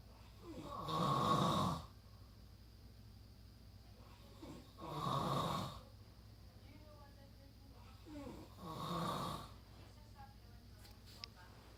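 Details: Three long, rough snores at about 15 a minute with a steady hum behind them, from a sleeping son after a long road trip; snoring.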